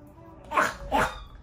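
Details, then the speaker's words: Dog with suspected tracheal collapse: two short, harsh honking dry cough bursts; such coughing is often triggered by excitement, drinking, eating, a collar, or touching the neck. "사랑 하는 반려 동물 이 갑자기 이런 소리 를 내서 당신 을 놀라게 한 적 이 있나 요 ? 이런 빵빵 거리 는 소리 를 내는 것 을 마른 기침 이라 고 합니다 ."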